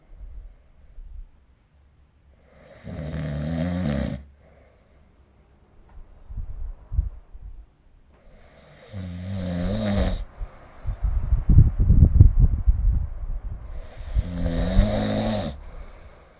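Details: Three loud, rough, fluttering snores about every six seconds during sleep, recorded with the SnoreLab smartphone app; snoring.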